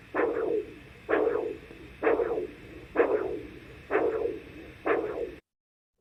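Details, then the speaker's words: Doppler recording of radial and femoral pulses in a patient, later diagnosed with coarctation of the aorta: regular whooshing arterial signals about 64 a minute, discordant radial-femoral timing (delay); bilateral radial pulses synchronous as control. "i felt his radial pulse and i felt his femoral pulse and they were not occurring at the same time and i recorded it with a doppler machine so take a listen those are discordant"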